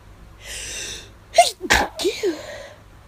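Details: Induced allergy sneeze after hours of nasal itch, getting hard to stifle: a quick inhaled catch, then a sharp stifled sneeze burst with a short voiced trailing exhale.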